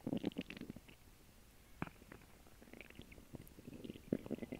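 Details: Quiet intermittent gurgles, squelches and pops over a soft hiss after a lunch of grilled cheese sandwich and water; normal digestive bowel sounds.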